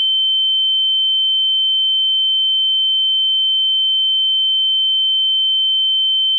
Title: Kulak Çınlaması - Tinnitus Ses Efekti